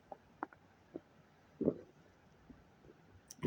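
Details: Person doing a digestive cleanse records audible gut gurgling, unsure whether it is bowel movement or gas; quiet room with scattered short pops and clicks and one longer, louder gurgle: borborygmi.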